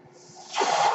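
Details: Home mechanical ventilator breath.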